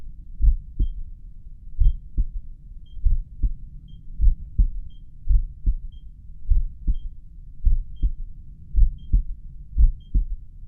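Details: Self-recorded resting heartbeat, stethoscope probably at the mitral area, with a pulse oximeter counting: slow, regular beats at about 54 a minute as its low heart rate alarm beeps; bradycardia.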